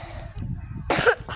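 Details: Single short cough over quiet room noise from a person who says they have a cough and fever.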